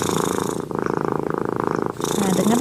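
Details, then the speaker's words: Cat sleeping after a bath, giving a steady, rapid rumbling purr, a normal sign of contentment; cat purring. "Jangan kaget ya kalau kucing kita mendengkur itu tandanya kucingnya nyaman berada di dekat kita rasa tenang rasanya teman makanya tidurnya"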